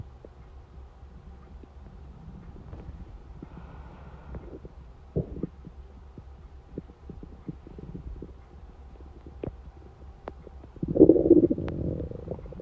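Quiet scattered pops and gurgles, then a louder rumbling gurgle near the end: hunger stomach rumbling.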